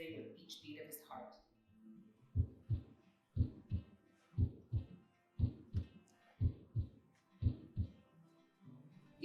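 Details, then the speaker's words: Child's heart heard with ear laid on his chest, regular lub-dub about 60 beats per minute with soft music behind it; textbook normal heart sounds, valves opening and closing (his brother has congenital heart disease). "one heartbeat is the textbook love dub sound the kind of beat that tells you his heart is working well his bells are opening and closing"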